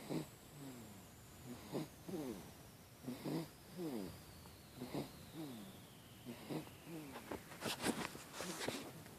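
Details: A 3-week-old baby (species not stated) makes repeated short snorting, whistling breath noises while asleep, about 38 a minute and somewhat irregular, with a faint high tone in the background.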